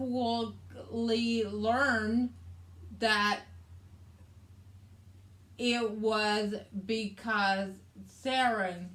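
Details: Adult woman with aphasia after a hemorrhagic stroke on May 19th 2020, with right-sided hemiparesis, brain surgery and an ICU stay; her aphasia also affects reading and writing.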